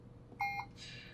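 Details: Puritan Bennett 560 ventilator demo, switching to volume SIMV mode and setting pressure support: a single short electronic beep as a setting is changed; a normal keypad confirmation tone.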